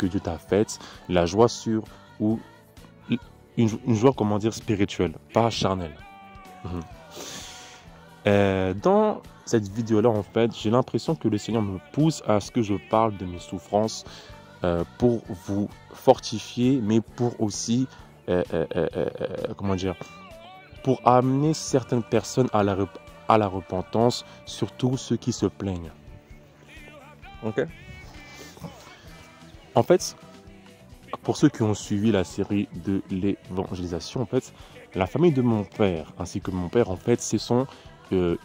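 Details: Adult man speaking French who describes his own stutter as terrible and audible in his voice; he attributes it to sorcery; stuttering.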